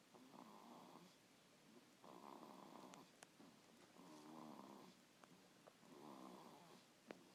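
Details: Sleeping in a swing: soft, steady, fluttering snores in a regular rhythm of about eight breaths over seven seconds, in a quiet room; snoring.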